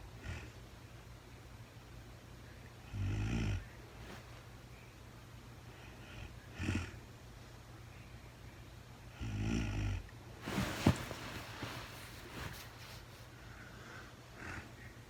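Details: Real-time overnight recording of a woman sleeping, part of a four-hour recording, no talking: soft snoring breaths about every three seconds over a steady low hum and room noise; light snoring during sleep.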